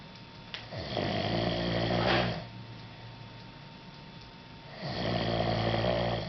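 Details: A man snoring in sleep, recorded in a small room: long, loud rattling snores on inhalation separated by quiet pauses; ordinary snoring.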